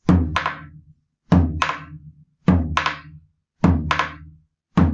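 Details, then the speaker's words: Simulated split second heart sound imitated on a drum: four cycles at about 52 a minute, S2 split into two close taps; split S2. "Entonces vamos a escucharlo aquí a ver cómo sonaría. Nuevamente, R1, R2 normal. R1, R2 desdoblado."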